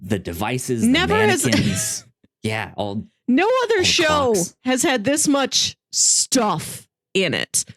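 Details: Adult speaker; typical speech.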